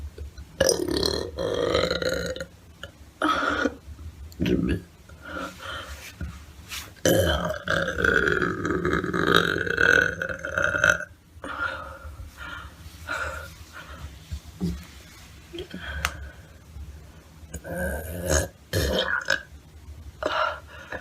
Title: Burping Pt. 5 #watchtillend